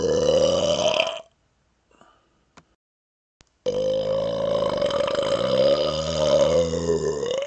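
Two prolonged, deep, resonant burps separated by a brief pause, the second lasting nearly four seconds.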